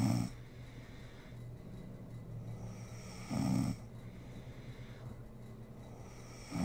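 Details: Sleeping mother snoring: short, loud low snores on the in-breath roughly every three seconds, with quiet breathing between.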